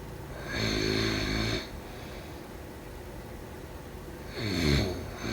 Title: Snoring sound … #4